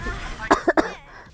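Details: Girl with a cold who says she is coughing a lot: a short burst of three quick coughs.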